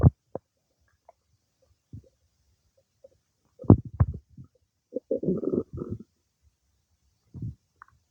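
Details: Irregular low gurgles and rumbling bursts with quiet gaps, stomach noises some time after eating cake; ordinary digestive bowel sounds.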